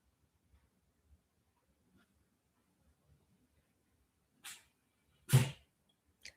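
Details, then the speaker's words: A pet cat (male) sneezes in the background of a quiet room during a live stream: two sharp hissing bursts and a tiny third, a cat sneezing several times. "my cat sneezing in the background, guys. If you can hear him."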